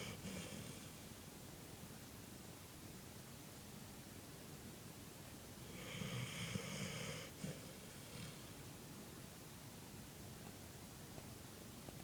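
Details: Single soft, rattling snore over steady background hiss from a pet dog asleep and tucked under a cover, who wakes shortly after; dog snoring.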